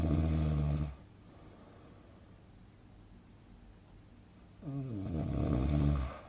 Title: Relaxing snoring sound effect - Good for Sleeping